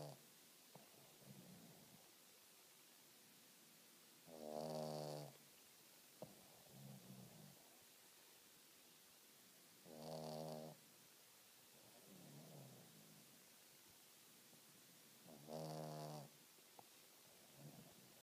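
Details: Big boy asleep on a sofa in front of the TV: slow cycles, about 11 a minute, of a loud buzzing snore on each breath in, with softer sounds between, in a quiet room; snoring.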